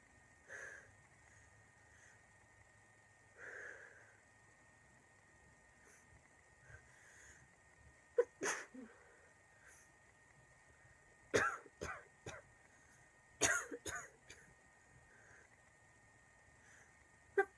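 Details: Girl with a really bad cold in a sneezing attack: several sharp sneeze bursts, some in quick pairs, after softer build-up breaths, over a steady faint hum.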